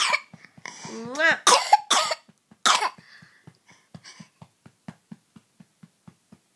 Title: Cute cough